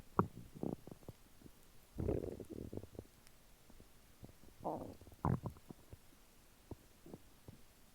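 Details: Bowel sounds from an adult abdomen after a meal of chicken nuggets and fries: irregular gurgles and brief squelching rumbles, with several longer gurgling runs; active bowel sounds.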